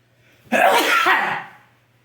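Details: Parent's single loud, explosive sneeze fading over about a second, which startles the baby son into an angry reaction and crying.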